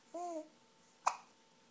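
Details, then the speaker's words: Young child babbling while being prompted to talk, then one sharp, abrupt hiccup; a single child's hiccup, part of repeated hiccups. "oh no not the hickups can you say m m oh not every time you try dog you hick up huh"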